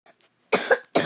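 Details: Two sharp, harsh cough bursts in quick succession from a player who says they are sick, recorded during gameplay.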